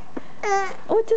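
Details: Brief high-pitched infant cry bursts from a baby girl who cries whenever her mother coughs, in a quiet small room; a normal crying response.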